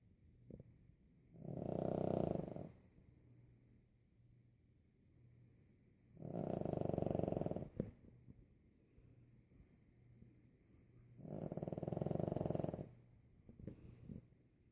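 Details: Sleeping 25-pound Boston terrier snoring: three loud, rattling long breaths about five seconds apart with quiet pauses between.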